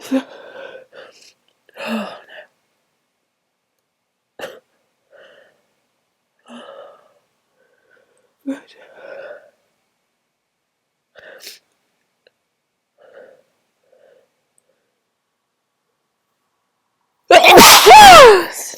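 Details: Short breathy catches and half-spoken "oh dear" sounds build up, then one loud explosive sneeze, from a person trying to announce very strong sneezes, with honking nose blowing later; a single forceful sneeze.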